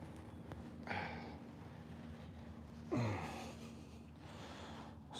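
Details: Two loud, rough breath bursts, the second a deep sharp intake with a low grunting edge, over steady outdoor noise, from a Mustang mare resisting a stretch during an equine chiropractic session; gasping.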